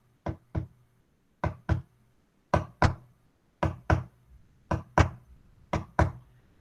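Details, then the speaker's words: Simulated normal heart rhythm tapped by a physician teaching cardiovascular examination: paired taps about 56 a minute, first sound, short silence, second sound, long silence, as heard with a stethoscope over the heart. "cuando ustedes pongan el estetoscopio en el corazón tienen que un cierto concentrarse en eso que le estoy diciendo van a escuchar un primer ruido un pequeño silencio y un segundo ruido"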